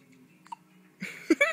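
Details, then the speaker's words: Newborn just home from hospital, sleepy after finishing a bottle: brief sharp hiccup sounds after feeding. "hi sweet PE who has the hiccups who has the hiccups who's sleepy who just ate all their bottle and has the hiccups you are so cute"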